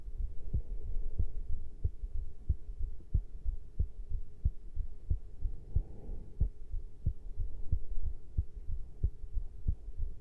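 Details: Normal adult heartbeat after caffeine intake: steady, regular low thumps at about 92 beats a minute over a faint steady hum.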